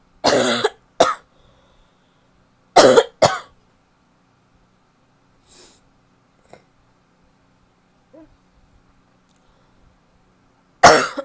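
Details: Barking cough from an adult woman: harsh barking coughs, mostly in pairs, with quiet gaps between bouts.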